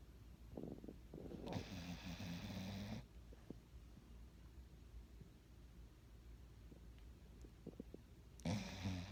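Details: Snoring during a Sunday afternoon nap: two low, rattling inspiratory snores separated by quiet breathing with faint room noise.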